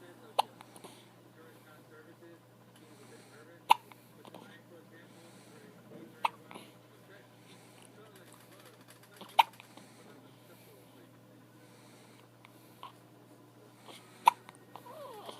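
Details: Baby hiccups: short, sharp hiccups recurring about every three seconds, six in all, over quiet background voices.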